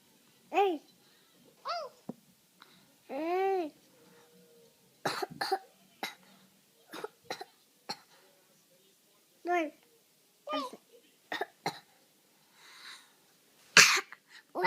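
Several short, sharp cough bursts mixed with voiced vocal sounds and babble in a small room.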